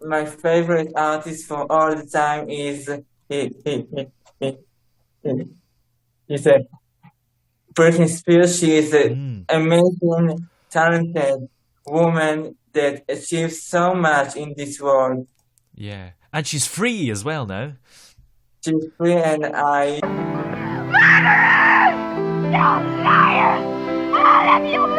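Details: Male Israeli musician who says he has stuttered for almost 21 years; stuttering.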